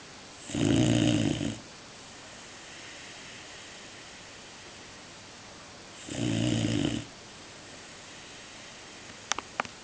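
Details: 4-month-old Greater Swiss Mountain Dog puppy: two loud, rough, rattling snores about five seconds apart, roughly 11 breaths a minute, with brief clicks near the end; typical snoring.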